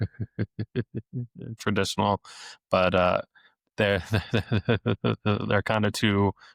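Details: Adult male speech-language pathologist who has stuttered since age eight, had off-and-on speech therapy into his early twenties, and deliberately lets his stutter show; stuttering with repetitions of sounds, words and phrases.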